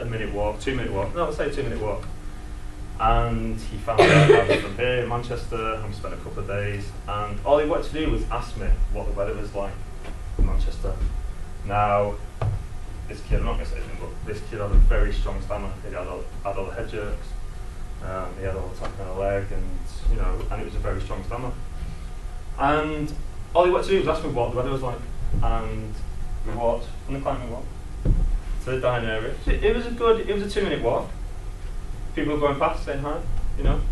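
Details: Adult male who describes himself as a person who stammers, stammering for as long as he can remember since childhood; stammering.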